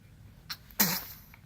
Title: Sneezing